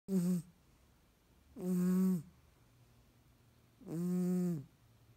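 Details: Nasally Tonkinese cat asleep: three long, low, buzzing snores, each about half a second, repeating roughly every two seconds in a quiet room; snoring.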